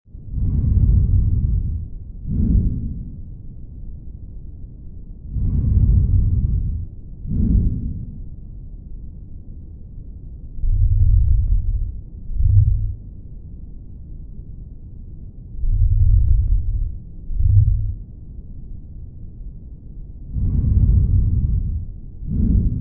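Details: Diminished breath sounds on lung auscultation through a stethoscope: quiet, muffled breathing at about 12 breaths a minute with faint low-pitched air movement.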